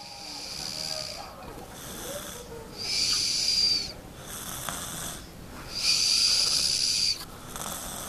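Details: Loud, hissing, whistly noises with each breath during sleep, about 21 breaths a minute, alternating with quieter passages: a young child, the little sister of a 6-year-old, snoring.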